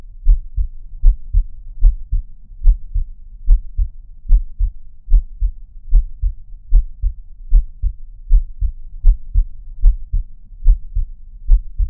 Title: 콩닥콩닥 심장 소리로 1분동안 힐링하기｜Heart Beat Triggers for sleep [No talking]｜他人の心の音で1分間癒す｜用别人的心音治愈1分钟